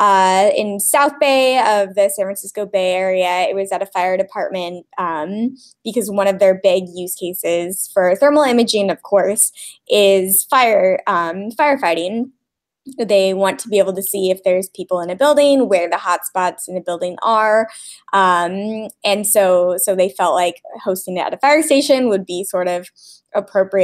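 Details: Adult woman speaking; ordinary speech.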